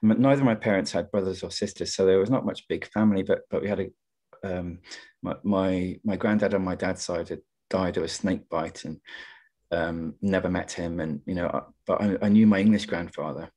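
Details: Adult poet who stammers and partly attributes his stuttering to caring too much about what he was going to say, speaking in a webinar on stammering and creativity; stammering.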